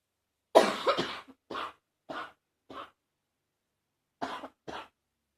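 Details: Congested cough.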